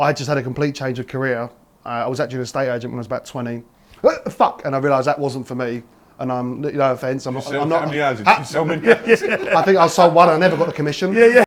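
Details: Vocal tics of Tourette syndrome in a man, onset about age 14, with motor tics and coprolalia; tics worsen with nervousness and later in the day; real speech.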